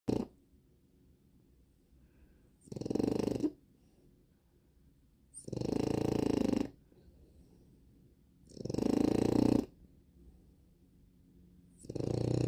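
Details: Snoring: loud, fluttering snores, each about a second long, at roughly 21 a minute with quiet gaps between.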